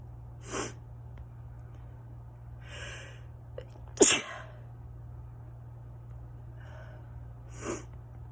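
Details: An adult with autumn allergies sneezes several times in a row, one sneeze much louder; allergic sneezing.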